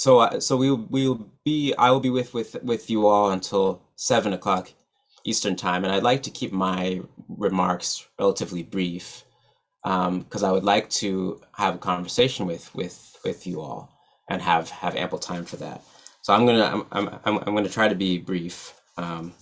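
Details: Adult man who stutters, real, not acted; stuttering.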